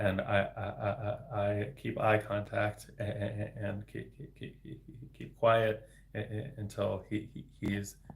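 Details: Adult man, a speech-language pathologist, with developmental stuttering, speaking live; word repetition audible; stuttering.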